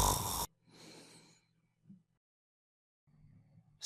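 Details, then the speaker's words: Simulated snoring in an animation: low, fluttering rumbles as the soft palate vibrates in a partly obstructed airway. "air currents competing through narrow spaces in the throat caused the soft pallate essentially a piece of soft tissue hanging in the throat to vibrate this vibration is the source of the noise we hear when someone is"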